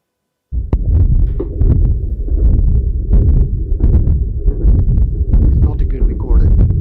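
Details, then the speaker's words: To-and-fro murmur from a ventricular septal defect with aortic regurgitation, veterinary example: systolic component through the VSD and diastolic component from aortic regurgitation, on a noisy chest recording with continuous low rumbling heart sounds. "Sometimes we see ventricular septile defects. So basically we hear the two different components. We hear the systolic component through the VST and the diastolic component coming from the orthodic regitation."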